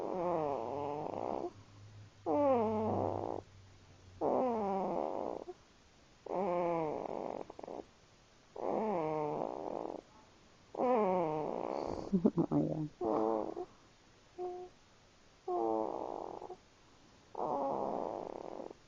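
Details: Cat named Jocie snoring: steady rhythm of soft, buzzy breath sounds, about 28 a minute.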